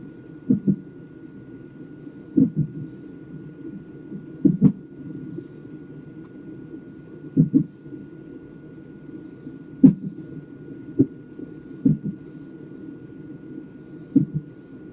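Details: A fetal Doppler trace during a nonstress test: a steady whoosh broken by sharp, repeated jolts about every one to two seconds: fetal hiccups.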